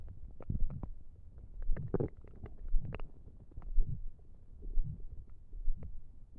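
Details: Deep, low rumbles and gurgles rising and falling in waves from an empty stomach while trying to sleep; hunger-related stomach rumbling (borborygmi), a normal finding.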